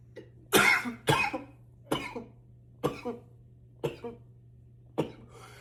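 Six forceful, harsh cough bursts in about five seconds, the first two loudest, with short gaps between them; a bout of intense coughing.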